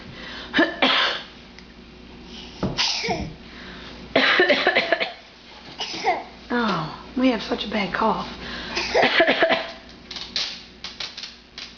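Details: Child deliberately fake coughing, showing off: a series of loud throaty bursts mixed with voiced, playful sounds; voluntary cough.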